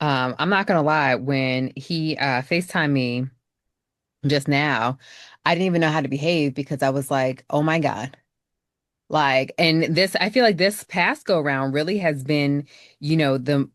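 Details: Adult woman speaking; ordinary speech.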